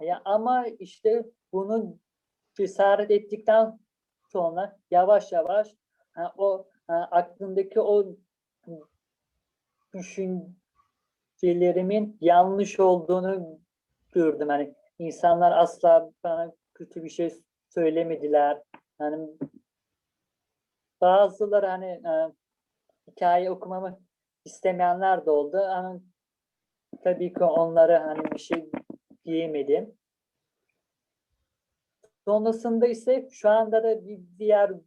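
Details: Adult speaker; stuttering.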